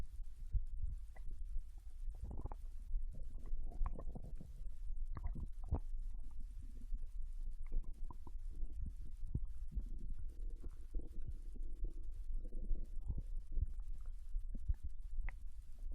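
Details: Japanese girl recorded lying on her side in bed while digesting ramen: low gurgling and rumbling stomach sounds over a steady low hiss. Ordinary digestive bowel sounds after a meal.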